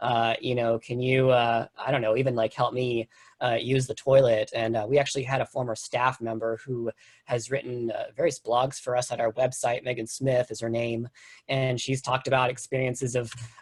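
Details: Adult speaker; Typical speech.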